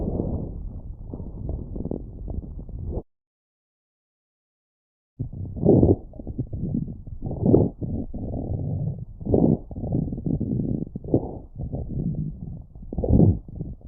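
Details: Coarse crackles (coarse crepitations) over the lungs through a stethoscope: muffled chest sounds with low, bubbling, popping crackles over the breaths.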